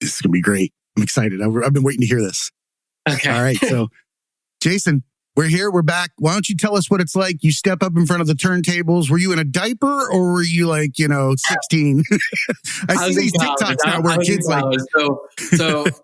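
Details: Adult male speaker; typical speech.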